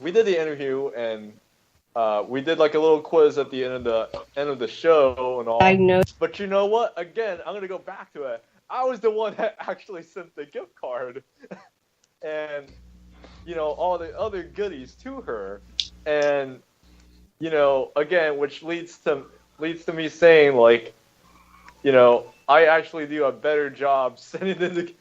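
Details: Adult man speaking; normal conversational speech.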